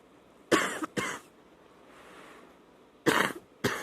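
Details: Night-time wet cough on waking, with spitting up: four loose, rattly cough bursts in two pairs, with a faint throat sound between; a wet, productive cough.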